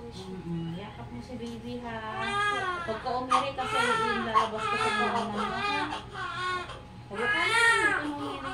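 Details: Full-term newborn girl after normal vaginal delivery in a delivery room: loud, repeated high-pitched wails shortly after birth with soft adult voices nearby; a vigorous healthy newborn cry.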